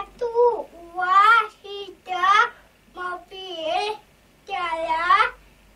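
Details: Child with hearing loss who uses hearing technology but cannot yet understand conversation or speak, vocalizing during an Auditory-Verbal Therapy session; speech of a child with hearing loss.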